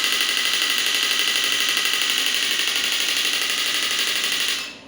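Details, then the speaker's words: Electromagnetic shockwave therapy applicator firing at 60 Hz against the hand during a device demonstration: rapid, steady buzzing rattle of fast pulses that stops abruptly; high frequency limits energy. "So I'm getting quite great impact on my hand. If I want to increase the energy, I will decrease the frequency to the medium range."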